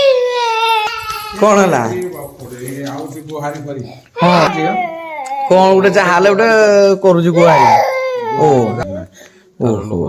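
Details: Infant crying in loud, wavering wails with brief pauses for breath, described as a hungry cry for food, at home in a village.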